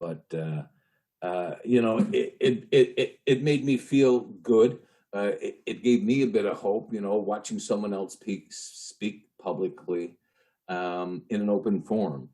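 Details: Adult man with a lifelong stutter, long hidden through his life and career, with audible repetitions; stuttering.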